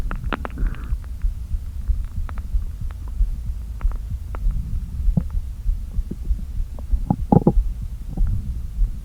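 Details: Low rumbling with scattered gurgles and clicks from an empty stomach after a full day without eating, deliberately inflated with air: hunger bowel sounds (borborygmi).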